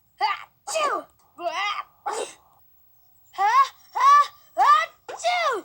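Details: Animated cartoon dog character Chase (Paw Patrol) sneezing repeatedly from a cat allergy: voiced, exaggerated, acted "achoo" sneezes in quick succession, not real sneezing.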